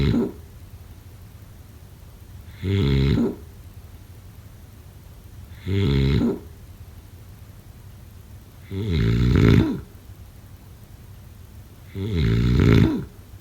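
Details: Deep, buzzing snores on a steady rhythm of about 19 a minute, with quiet between breaths: snoring during sleep.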